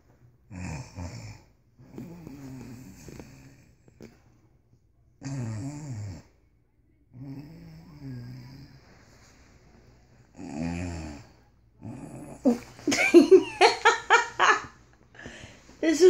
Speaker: we are wishing when you have a snoring pitbull that you sleep with she's so cute that's my baby girl and she snores